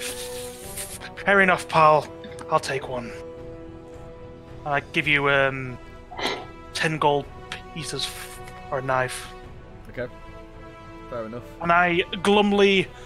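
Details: Adult man with a natural stutter that usually eases after about half an hour of speaking, heard during tabletop roleplaying; stuttering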